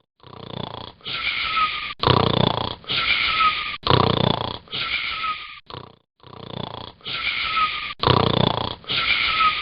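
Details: Snoring: loud, rhythmic snores with a whistling, wheezy edge on each breath, repeating steadily about every second.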